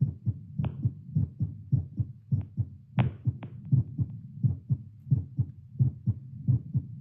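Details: Normal heartbeat through a Littmann CORE stethoscope, recorded while sitting with arm held up. Regular low double thumps at about 88 beats per minute, with a few stethoscope rubbing clicks; near baseline rate.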